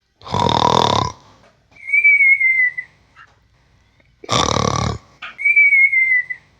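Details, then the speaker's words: Cartoon-style snoring effect: a loud rumbling snore on the in-breath, then a whistled out-breath, repeated twice, keeping another character awake. "I'm trying to sleep but I can't because Ben won't shut up"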